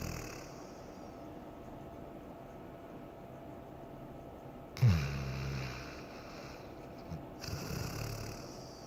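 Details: A sleeping pit bull twitching as if dreaming: soft snorting snores over a low rumbling background.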